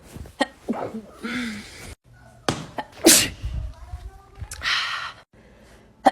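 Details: Several sharp, explosive sneeze bursts between voices and background noise; sneezing, from a short sneezing compilation.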